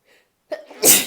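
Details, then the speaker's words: Female, morning, awake about two hours and sneezing repeatedly: a short intake of breath, then one sharp, hissing sneeze; sneeze. "Hi, I've been up for like 2-ish hours and I've sneezed like 4 times."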